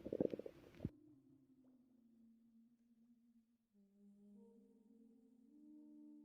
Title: I recorded my ￼pregnant girlfriend stomach growling & relaxing before she started havin contraction